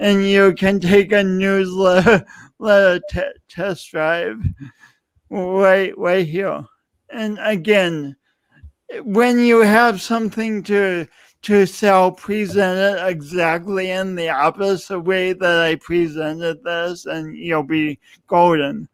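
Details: Adult male speaker; speech impediment.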